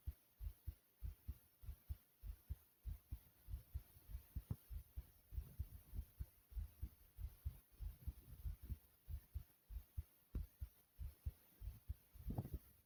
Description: my heartbeat goes from loud to low and soothing sound